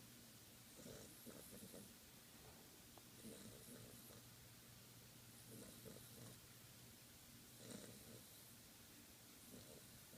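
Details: Beagle puppy asleep, soft rhythmic snoring with regular breath cycles, about 18 breaths a minute, over steady low room noise; ordinary sleep snoring.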